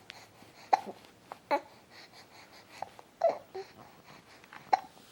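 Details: Baby boy with hiccups: about five short, sharp gulping clicks over five seconds, with soft breathy sounds between them.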